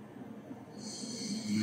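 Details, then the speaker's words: Ordinary snoring, shown for contrast with sleep apnea: a low, steady rumbling snore on an easy in-breath with some airy hiss, and no pauses or gasps. "snoring the breathe in is easy nothing unusual about this"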